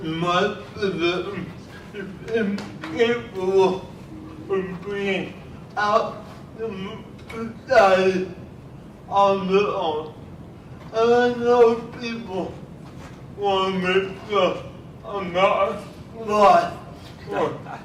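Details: Adult filmmaker speaking at a cerebral palsy event, with largely unintelligible speech; the video does not explicitly state his diagnosis, so cerebral palsy-related dysarthria is suspected. Finding: dysarthria (cerebral palsy).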